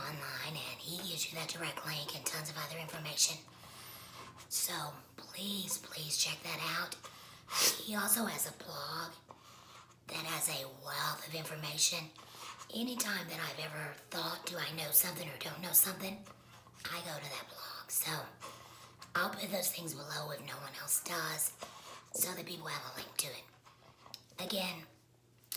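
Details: Adult woman with laryngectomy, voice prosthesis; tracheoesophageal speech after laryngectomy.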